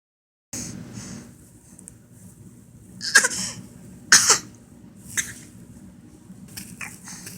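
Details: Child gives a few short, deliberate throat-clearing coughs, a fake cough with no illness behind it; voluntary cough.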